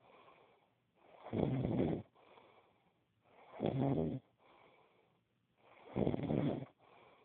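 Regular rough, rattling snores on each in-breath, with quieter out-breaths between, about 25 breaths a minute. Snoring.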